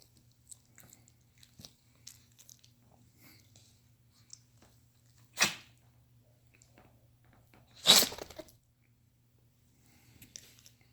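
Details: A female gives two sharp, hissing sneezes a few seconds apart in a quiet room, with faint snuffling.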